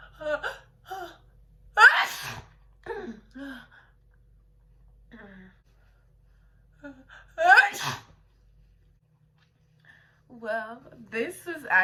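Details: A girl sneezing for a personalized sneeze video: several loud sneezes, each led in by a sharp catching breath, with quiet pauses between them.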